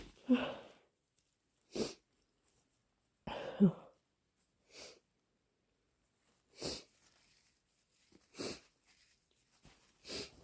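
About seven sneezes and sniffs spaced a second or two apart in a quiet room, fitting repeated hay fever sneezing.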